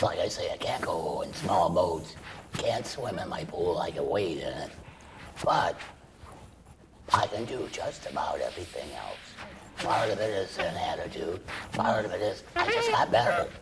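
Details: Adult man treated for laryngeal cancer with chemoradiation and then total laryngectomy, speaking through a tracheoesophageal puncture voice prosthesis that vibrates the esophagus. Tracheoesophageal speech after total laryngectomy.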